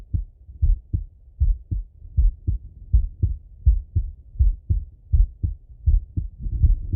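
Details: Male heart auscultation through a stethoscope, recorded sitting or lying: regular paired low thumps at about 80 beats a minute; normal heart sounds.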